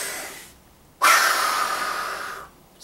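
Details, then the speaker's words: Spirometry demonstration on a test-run subject: a quiet breath in, then a sudden strong forced exhalation held about 1.5 seconds, a repeat attempt within 3 mL of the previous one, judged a very good effort. "so this uh attempt was very very close to the previous one only uh three uh milliliters so it's a very good attempt"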